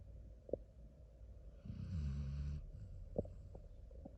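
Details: Sleeping Basset Hound with a pillow: low rumbling, fluttering snore during one breath, with a few soft clicks around it; snoring.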